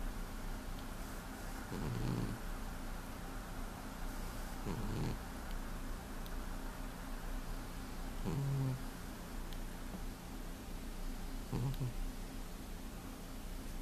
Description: The heavy sleeping cat....he snores everyday.